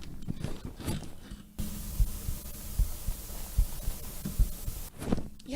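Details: Adult heartbeat heard on waking, volume boosted for the heart sound; muffled low thumps about 75 a minute, with brief voice and room noise at the edges.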